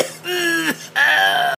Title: A pause to Cough .lol